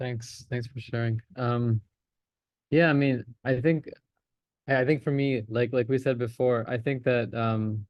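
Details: Stuttering (stammering) in an adult man in a stammering practice course who openly discloses his stammer and uses voluntary stammering; repetitions and fillers are heard.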